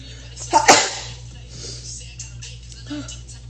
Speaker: I need to sneeze. Never mind. No sneeze. Here we go.